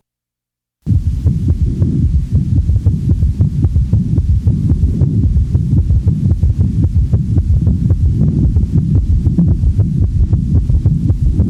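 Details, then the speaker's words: Teaching recording: S3 gallop in a patient with congestive heart failure, rapid heart rate, rapid low-pitched heart sounds giving the impression of three sounds each cardiac cycle. "the following example demonstrates an S3 in a patient manifesting congestive heart failure since the heart rate is rapid one of the first compensatory mechanisms of failure one has the impression that there are three sounds with each cardiac cycle"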